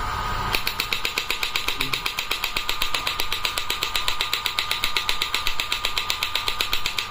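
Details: Electromagnetic shockwave therapy device with handpiece, energy adjustable up to 200 mJ, frequency selectable; rapid, regular sharp clicking pulses about 2–3 per second as the handpiece fires after pressing start.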